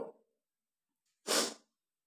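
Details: Person sneezing on purpose by tickling the nose with paper: a single sharp, forceful burst of air after a brief quiet pause.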